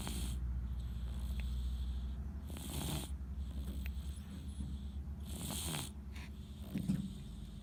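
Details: Soft, rhythmic snuffling snore breaths, about three in eight seconds, from a sleeping pet; ordinary snoring.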